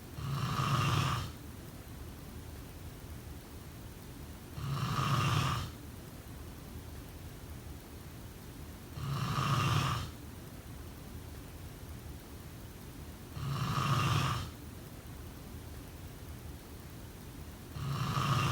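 Regular, loud, low rattling snores on every inhalation, about 14 breaths a minute, evenly spaced over steady background hiss.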